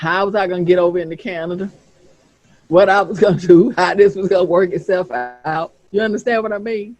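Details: Adult man; normal speech.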